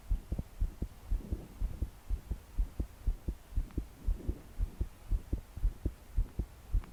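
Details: 22-year-old female trying to calm her heart to sleep after deep breaths failed. Fast, forceful thudding heartbeat about 118 a minute, her body shaking with each beat, faint breathing and heavy rain behind: pounding palpitations.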